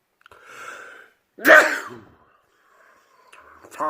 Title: World Loudest Sneezes